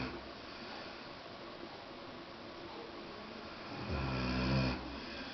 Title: Indió is snoring :)